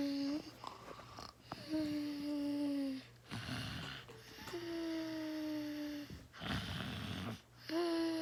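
Long, steady, humming snores alternate with rougher, breathy snorts, several cycles in about 8 seconds. Loud, tonal snoring.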